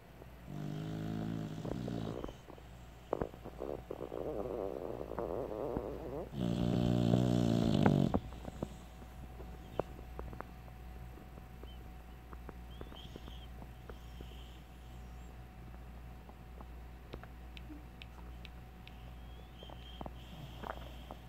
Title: American Bull Dog Puppy Snoring In Her Sleep